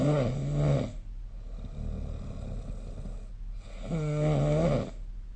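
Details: Snoring recorded with the SnoreLab app: loud rattling snore on each in-breath with a quiet breathy out-breath between; ordinary snoring.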